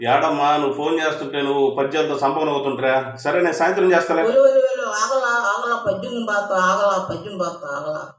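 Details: Adult man speaking Telugu on a phone call; no disorder.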